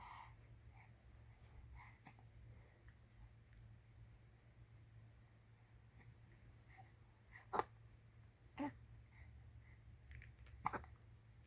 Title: 052220 baby hiccups in her diaper